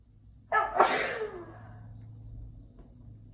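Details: A sneeze, described as a triple sneeze: a sudden, explosive burst of air with a sharp forceful release that fades quickly into quiet room noise.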